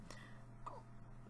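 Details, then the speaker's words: Two brief, abrupt catches of breath, each a sharp click with a short voiced squeak, over a low steady hum. Hiccups, which the speaker suspects came from just eating raspberries. "my gosh, I keep hiccuping. Can you guys hear that? That's disastrous. I just ate some raspberries. That's probably why."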